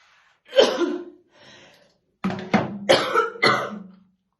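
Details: Woman's real, unacted smoker's morning cough while slowly brushing her hair: heavy, deep, wet-sounding coughs in about five bursts with throat-clearing quality.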